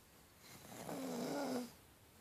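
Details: One soft, rumbling, slightly tonal snore lasting about a second, against quiet room noise: ordinary snoring in a sleeping male dog, possibly while dreaming.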